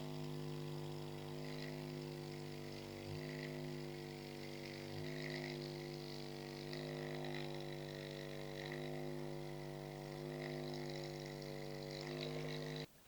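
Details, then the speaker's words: Percussion therapy device for scoliosis at high speed: steady high-pitched motor buzz with slight changes in load as it moves. "this is um we call this very high speed and you can hear the frequency of this when I turn it on very very high speed"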